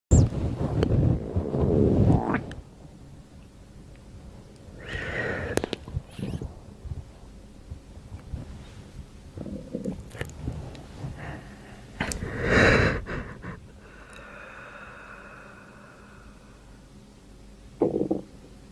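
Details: Copykat's stomach growling (borborygmi) compilation: irregular low rumbles and gurgles with some higher squeaky tones.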